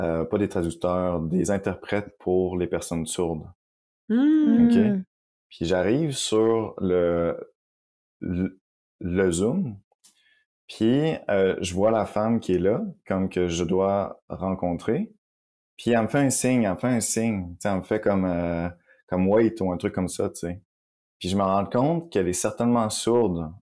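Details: Adult man who stutters and reports blocks when speaking; real, natural conversational speech; stuttering.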